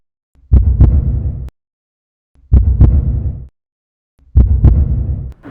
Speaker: 심장 박동 소리인가요? 심장. 사람 생명을 유지하는데 심장이 가장 중요한 기관이잖아요.